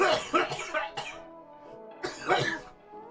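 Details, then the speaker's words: Adult with a strained, damaged-sounding voice after heavy vocal use gives several short, rough coughs and throat clears over steady background music. "If anyone's wondering why I sound like this, well, this is why you take care of your voice, kids."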